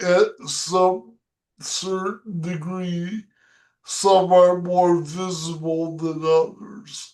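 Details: 37-year-old woman with degenerative Friedreich's ataxia diagnosed at 21, now unable to walk and using a motorized wheelchair; she reports her speech is slurred; dysarthria (slurred speech).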